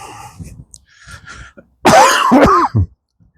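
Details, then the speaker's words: An adult who feels unwell, on an outdoor walk by a lake with geese, gives two loud, harsh cough bursts after quiet background noise; an ordinary cough. "Not too certain if I want to do a a [clears throat] walk all the way around there. [cough] Not with me cough."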